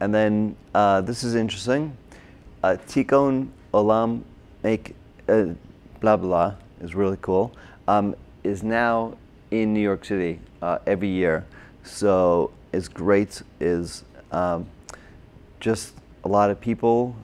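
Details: Adult man, a former paramedic, with Broca's aphasia from a stroke during heart surgery in 2007, about 10 years earlier; difficulty with names, numbers, reading and writing; had OT, PT and speech therapy; Broca's (expressive) aphasia.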